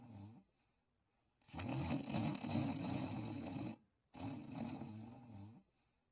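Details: Loud rattling snores on long breaths with short quiet pauses, heard during sleep and dreaming; heavy snoring.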